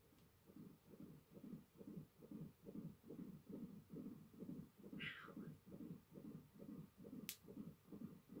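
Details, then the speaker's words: Fetal heartbeat on an ultrasound monitor in a television drama: rapid, regular whooshing pulses at about 136 a minute, described as a strong healthy heartbeat. "it most certainly is a baby strong healthy heartbeat"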